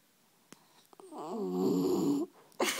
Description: my sleeping dog is snoring